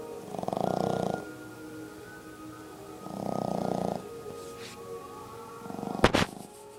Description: 5month Boston terrier snoring funny puppy